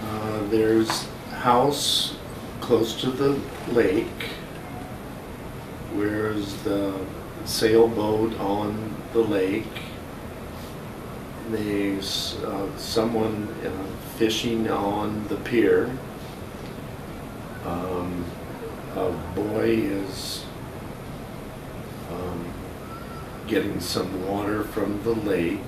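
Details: 57-year-old right-handed man, symptoms began a couple of years earlier, describing a picture; slow, deliberate, effortful speech dropping articles and pronouns, without frank apraxia of speech; nonfluent agrammatic speech (nonfluent variant primary progressive aphasia).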